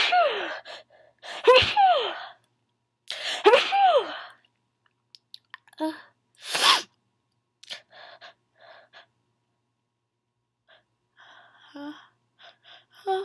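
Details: Person sneezing repeatedly: two sharp gasping inhalations, each followed by a sneeze, then quieter breaths and small noises; run of sneezes.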